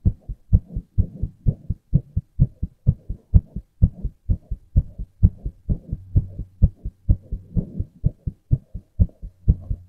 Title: Male Heartbeat